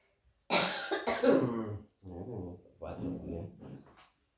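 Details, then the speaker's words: Two harsh, forceful coughs, then softer voiced throaty coughing, from an adult mother with a cold (masuk angin) and cough, before traditional kerokan scraping of the chest and neck. "Nah, jadi kalau batuk begini mau kita dikeropin sini nih."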